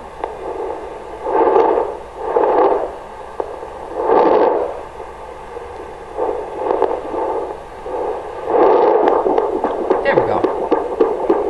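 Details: Doppler hiss with swelling whooshing pulses on the left side of a pregnant dog's abdomen, a fetal puppy heartbeat among four found on that side.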